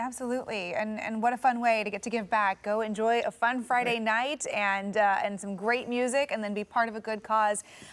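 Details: Adult woman speaking; normal fluent speech.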